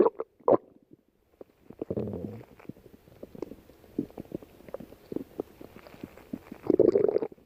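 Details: Soft gurgling and low rumbles with scattered pops and a louder growl at the end, while lying down; ordinary stomach growling (borborygmi).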